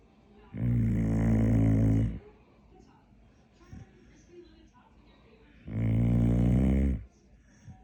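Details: A dog snoring sweetly at bedtime: two loud, long, rattling snores about five seconds apart, with quiet pauses between them.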